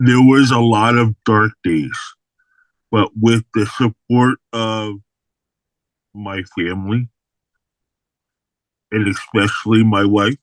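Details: Adult man with aphasia after an unexpected stroke in May 2022, hospitalized for about three to four months, describing his recovery: aphasia.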